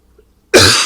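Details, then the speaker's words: A single harsh, loud cough after a moment of quiet, from an adult with allergy-related congestion: cough. "yeah i'm going to cough a little bit i have an allergy going on"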